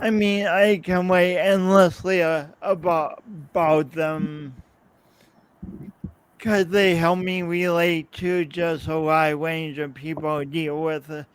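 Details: Adult man, podcast host, with his own speech impediment and coordination differences that persist despite years of practice possibly making him clearer; real, not acted; speech impediment.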